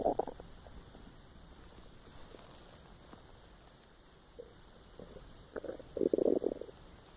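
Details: Person unable to sleep recording their own empty stomach: quiet gurgles, then a louder rumbling growl near the end, ordinary stomach growling (borborygmi), a normal finding.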